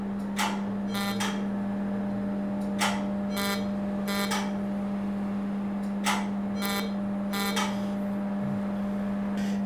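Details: Pulsed CO2 laser treatment of facial photoaging (heliodermia) in a former smoker, now treating the inner cheeks and chin, the most painful areas. Short paired bursts of crackling snaps over a steady hum, about 18 a minute.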